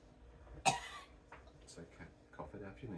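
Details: Female with 22q11.2 deletion syndrome, dystonia and seizures, drooling heavily, oxygen saturation 97%, heart rate 70: a single sharp cough then faint throat and breathy sounds, a reflex cough after aspiration.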